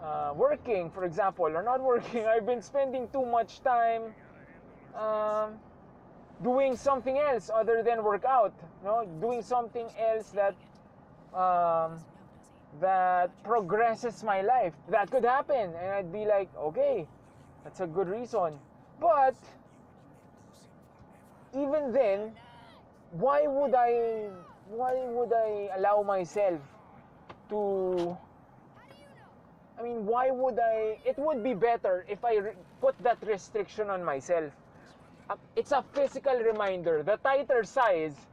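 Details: Stuttering in a male speaker who reports that he sometimes stutters.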